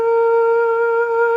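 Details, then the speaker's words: Vocal imitation of tinnitus: a steady, sustained hummed tone mimicking the permanent high-pitched ringing in her left ear, present since an ear infection in December 2020. "i've got a permanent ringing in my left ear and it's like a high pitch sound, it's like a dooooooo"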